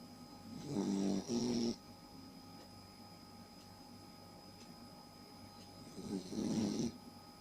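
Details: Snoring: two loud, buzzing, slightly tonal snores a few seconds apart over quiet room hum.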